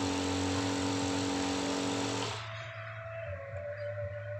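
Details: Omron compressor nebulizer tested after repair for producing no mist: steady motor hum with a fast, even pulsing drone easing after about two seconds, running normally.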